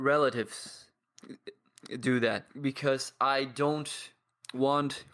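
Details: 22-year-old man who has stuttered for as long as he can remember, describes blocks and practises daily with a stuttering community; stuttering.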